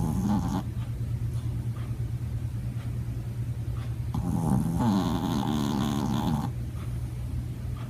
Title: Snoring dog